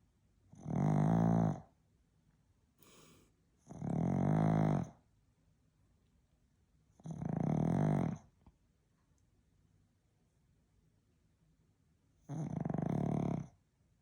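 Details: Pug (Stella) snoring while asleep: four loud, rattling snores, each about a second long, with quiet gaps between them, roughly five breaths a minute; small dog snoring.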